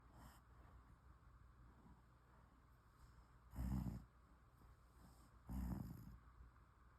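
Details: A sleeping, dreaming cat gives low, rough snoring snorts about every two seconds, roughly 30 a minute, over quiet room hum; ordinary snoring.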